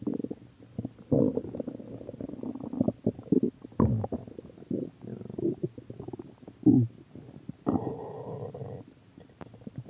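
Irregular gurgling, bubbling rumbles in bursts, ordinary stomach growling from gas and fluid moving through the gut.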